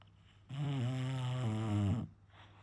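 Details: Bulldog snoring: a single long, loud, low buzzing snore about 1.5 seconds, then a softer breath.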